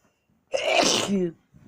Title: Big fit with stuck sneezes